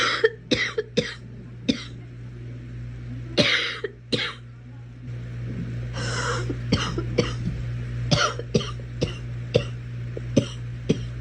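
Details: Girl coughing: about fifteen short, sharp coughs, some in quick clusters, with throat-clearing and a steady low room hum.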